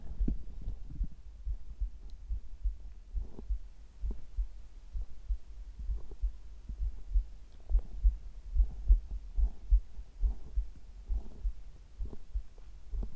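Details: Steady, soft low heart thumps at about 71 beats a minute, with frequent gurgling bowel sounds mixed in, recorded simultaneously: normal heart sounds.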